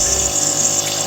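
Steady hissing, pump-like mist sound of a running nebulizer machine.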